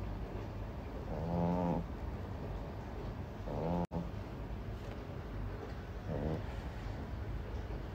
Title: Puppy Frenchie Snoring Like A Gorilla 🦍